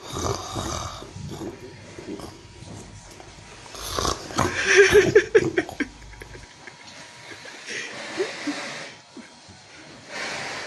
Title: A Snoring Cow #highlights #viralreels #shortsvideo